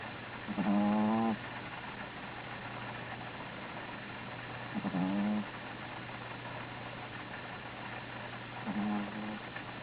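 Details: Sleeping Belgian Griffon dog snoring (stertor) while asleep: rhythmic, rumbling snores with each breath, about 15 per minute.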